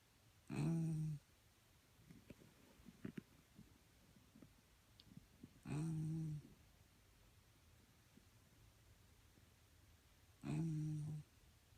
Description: Listen to the cutest sounds ever made by a really tired Corgi